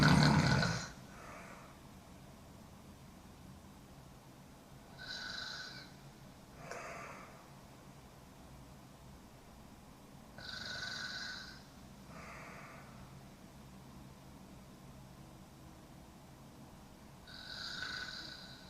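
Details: A sleeping woman snoring hard: repeated breathing sounds with a snorting, rasping quality every few seconds against quiet room noise; snoring.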